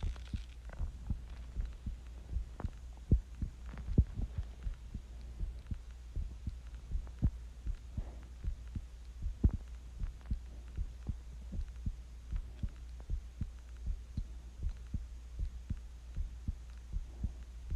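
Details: Self-recorded heartbeat of a person sick with the flu; regular low thumping beats at about 78 a minute under a steady background hum; heartbeat.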